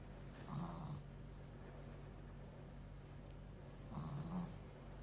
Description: anjing ngorok dan tidur terlentang